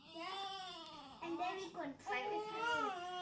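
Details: Newborn cry: soft, wavering cry with short whimpering bursts in a quiet room.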